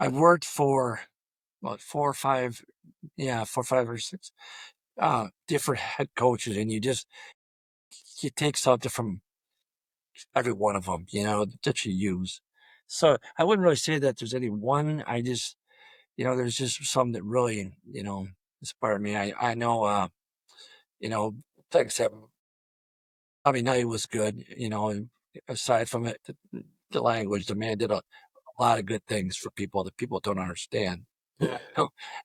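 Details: Adult male high school football coach with 34+ years of coaching who has stuttered throughout his career, with blocks reported on the letter D; stuttering.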